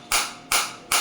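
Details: Sharp, loud snapping pulses about 2.5 per second from a focused (not radial) shockwave therapy device for plantar fasciitis and heel pain, fired against the hand at intensity around 8–10.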